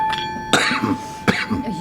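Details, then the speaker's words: Adult coughing during a paranormal investigation in a former crown court: two short, sharp coughs over a steady electronic tone in a quiet room; a brief dry cough. "Can you just stop making me cough please? We know you're here"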